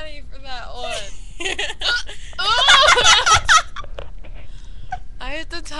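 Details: Hiccups during laughter in a girl: giggling broken by short, loud voiced hiccup catches right after she laughs.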